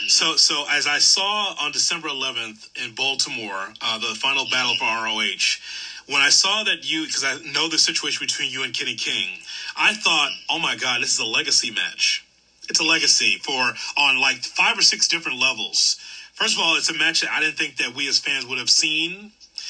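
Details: Adult man speaking; normal speech.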